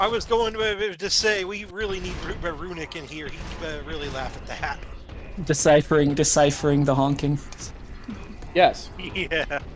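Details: Adult male speakers, casual conversation; typical speech.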